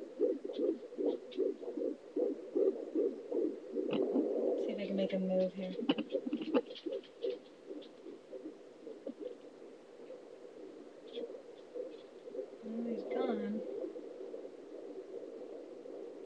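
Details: Rapid, regular galloping fetal heartbeat, about 150 a minute, on a home ultrasonic fetal Doppler, interrupted by thumps from the active baby kicking.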